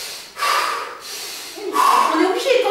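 Two quick, forceful breaths with a gasping quality, demonstrating rapid over-breathing (hyperventilation).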